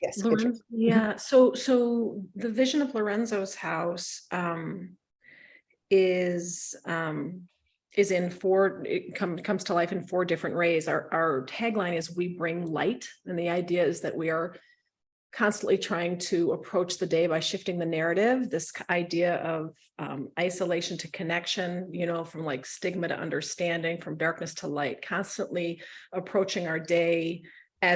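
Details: Adult woman speaking; normal speech.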